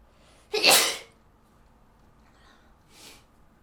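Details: One sharp, explosive sneeze from an adult, followed by a quiet pause and a soft breathy exhalation, in a quiet room.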